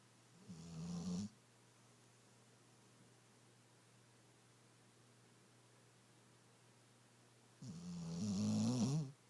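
Two loud, rumbling snores about seven seconds apart, with quiet room noise between them; snoring in a sleeping dog.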